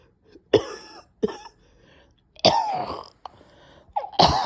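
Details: Four harsh, forceful coughs at irregular intervals with throat-clearing and strained breaths between them, from a person too weak to get through recording; a severe coughing fit with choking.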